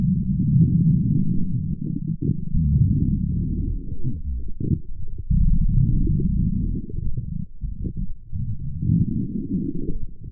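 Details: Woman's stomach growling: loud, continuous low gurgling and rumbling rising and falling in waves; stomach growling (borborygmi), ordinary bowel sounds.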